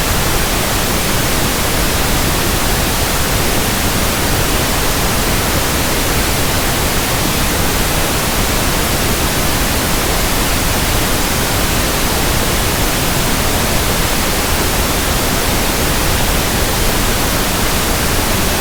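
Steady, even hiss of pink noise with no variation, used as a simulation for matching the sound of tinnitus.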